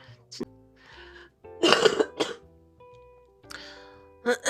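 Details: A few short, harsh coughs and throat clearing over background music from a soldier with a lingering throat cold who coughs with every word.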